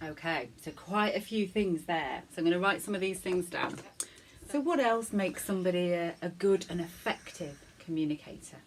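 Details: Adult woman speaking; Normal fluent speech.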